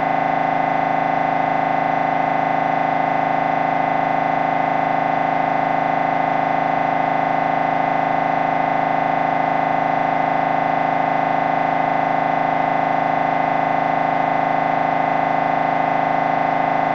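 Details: Loud, steady, rapidly repeating mechanical buzzing tone: MRI scanner noise recorded during a brain scan sequence.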